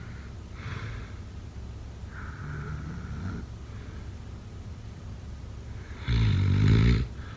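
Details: Sleep snoring sound-effect recording: loud rattling snores, the strongest near the end, with quieter breaths between; snoring.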